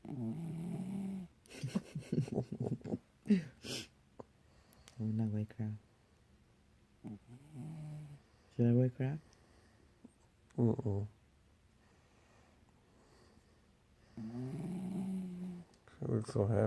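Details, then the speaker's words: Female dog sleeping soundly beside her owner; intermittent low rumbling snores with pauses between breaths in a quiet room. "Are you snoring, bro? Oh my god. Not me."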